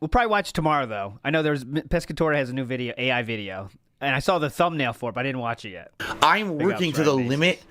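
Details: Adult male speaker; no voice disorder.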